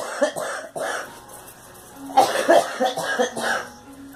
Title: Girl coughing